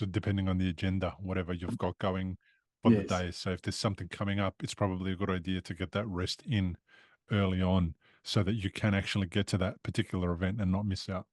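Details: Adult male speaker; typical speech.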